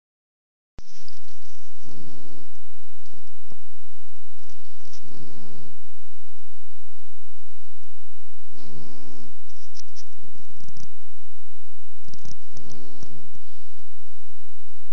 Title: Lilybell snoring